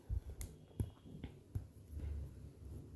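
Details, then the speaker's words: Normal heart sounds: soft, low heartbeat thumps with a faint tone and clicks. The first heart sound (S1) comes from AV valve closure and the second (S2) from semilunar valve closure. "जब हमारा एवी valve close होते हैं ठीक है तब होती है हमारी फर्स्ट हार्ट साउंड प्रोड्यूस और जब हमारे सेमी लूनर ल् क्लोज होते हैं तब होती है हमारी सेकंड हार्ट साउंड प्रोड्यूस"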